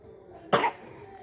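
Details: Family member with a cold and cough at home: a single short, harsh cough burst against quiet room noise, consistent with a cough during a cold.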